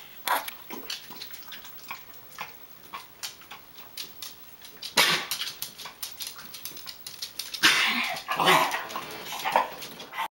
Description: cough